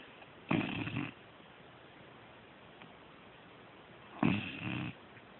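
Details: Sleeping pet snoring: two short rattling snores about four seconds apart against a steady background hiss.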